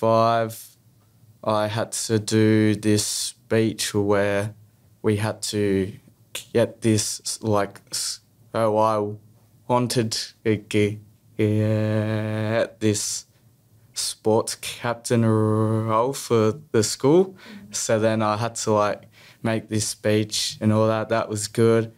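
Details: Stuttering in a young male who stutters.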